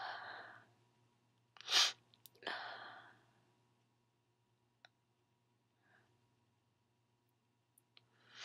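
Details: Person who sneezes often, with breathy sounds before and after a single sharp burst of air in a quiet room; sneezing.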